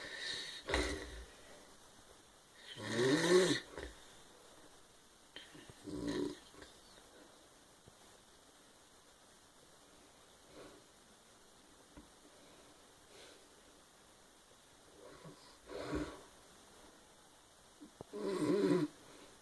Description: My brother snoring, saying he doesn't snore.